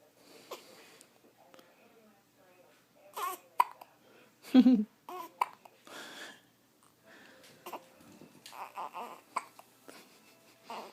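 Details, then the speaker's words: Tiny baby's hiccups: several brief, abrupt voiced catches with soft fussing and adult voices in the room. "You got the hiccups, boo. What's the matter?"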